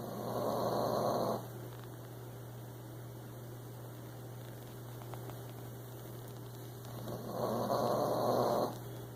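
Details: Snoring during sleep: two rough, noisy breaths about six seconds apart over a steady background hum.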